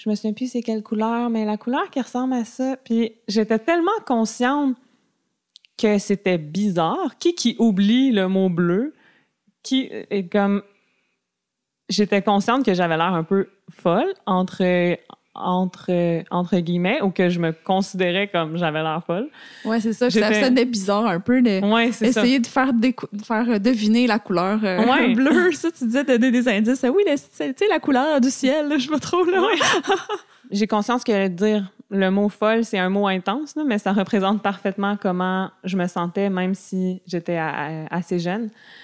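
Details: Stuttering in an adult woman diagnosed at age 7, with a family history of persistent stuttering; she masked her stutter until about age 21.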